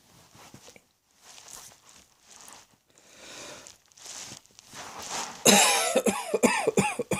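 Soft throaty huffs and clearing sounds, then several louder, harsh coughs toward the end.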